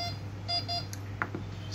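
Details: Short repeated electronic beeps from a defibrillator running its system check (battery test passed) in a basic operating demo, over a steady low electrical hum.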